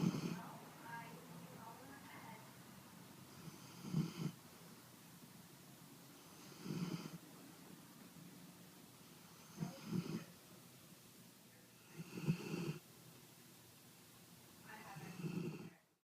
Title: Teddy Snores